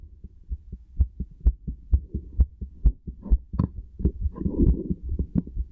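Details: Heartbeat recorded with a stethoscope: fast, regular beats at about 130 per minute, with brief rustling midway.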